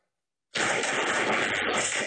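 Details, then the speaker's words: Simulation of how scientists believe a person hears a spoken sentence through a cochlear implant: harsh, hissing, noise-like sound with no clear words, in stark contrast to normal speech. "y así es como los científicos cree que una persona oye esta misma frase con un implante coclear hoy vamos a demostrar es la diferencia es abismal"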